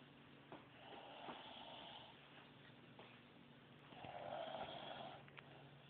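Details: A girl recorded while sleeping, low-quality recording: soft rasping snores on breathing in, two in about six seconds; ordinary snoring.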